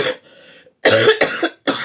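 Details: Cough from an adult woman who is ill and exhausted: several sharp, harsh cough bursts after a brief breathy sound, in a quiet room.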